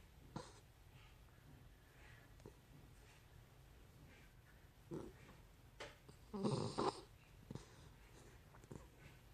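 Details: Quiet, uneven snorts with one louder rattling snore from a sleeping miniature schnauzer in the afternoon, over faint room noise.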